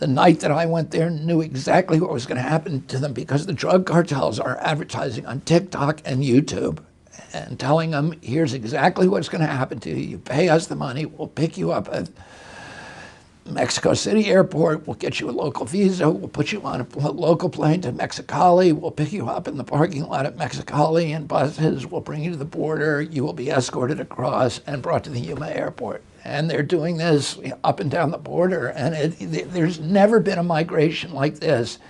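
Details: Adult male with spasmodic dysphonia; he reports a very strong voice until age 42, then onset in 1996 after a neurological injury, which he attributes to his brain sending wrong signals to his vocal cords.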